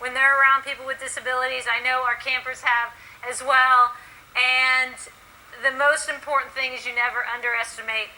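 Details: Adult woman speaking; normal speech.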